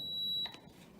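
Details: A single steady high-pitched beep lasting about half a second, then quiet room noise: power-on tone of a Fisher and Paykel Airvo 2 high-flow nasal oxygen unit, button held, during ICU setup demonstration with nasal prongs attached.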